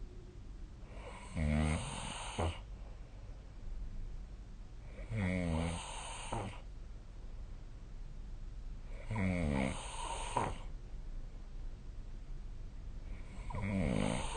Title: 🐽 本日のイビキ / Snoring Sleep Sound 2025/04/23